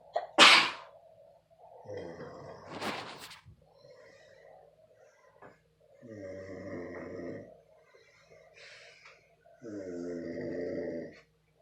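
A sharp explosive sneeze, then a second burst, followed by drawn-out nasal sounds in a quiet room.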